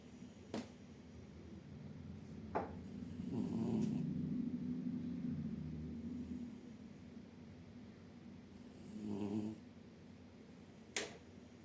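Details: Orange cat asleep on a chair with his face hidden under his paw: soft, low, breathy snores with occasional clicks in a quiet room; ordinary harmless snoring.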